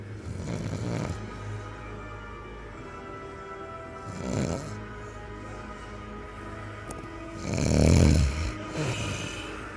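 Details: Three low, rough snoring breaths from a sleeping person over steady background music; snoring.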